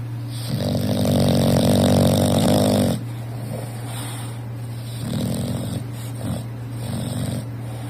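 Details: Very loud snoring from an English bulldog: a rough, rattling snore on the in-breath, then softer snorting breaths over a steady background hum.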